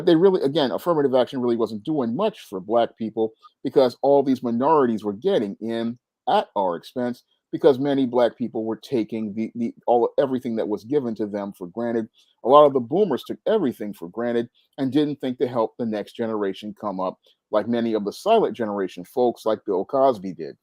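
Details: Adult male speaker; normal voice.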